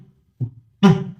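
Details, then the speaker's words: Cardiac auscultation teaching recording at the pulmonary area in pulmonary hypertension: a single heart cycle with a loud, sharp second heart sound. "البالمونري إيريا بسمع بالمونري هايبرتنشن."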